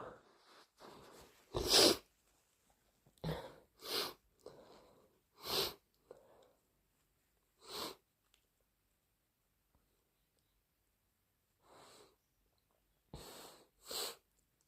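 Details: Induced allergic sneezing: a run of about eight sharp, explosive sneezes with sniffs and nose-blowing between.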